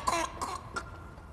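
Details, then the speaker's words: Infant with whooping cough (pertussis): three short, harsh coughs in quick succession, no whoop heard; a whooping cough episode. "to an infant it is a constant fight for breath that can last for an agonizing and stressful 12 weeks"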